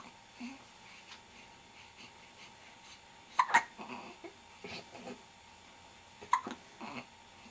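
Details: Infant who had many hiccups in the womb, still hiccuping regularly: faint breathing with two sharp, abrupt catches about three seconds apart over steady room hum; hiccups.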